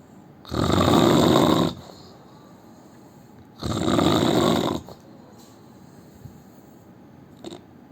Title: indian man snoring 🤣 part 2